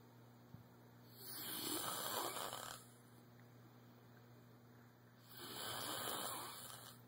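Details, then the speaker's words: A man asleep with his eyes open snores loudly: rough, rattling breaths in and out about every four seconds over a steady room hum. "Like, first of all, he snores loud as shit, and he sleeps with his eyes open."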